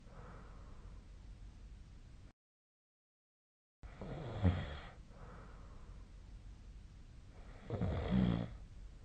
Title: 🐽 本日のイビキ / Snoring Sleep Sound 2025/03/04